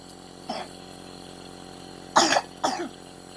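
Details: Three short coughs, one soft and two louder, from a young boy with a cold and cough, recovering from a 104°F fever, over the steady hum of a nebulizer he is using through a mask.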